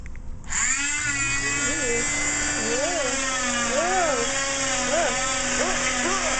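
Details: Steady high-pitched motor whine of a circular cast saw cutting off an elderly man's (granddad's) cast during cast removal, with a voice rising and falling over it.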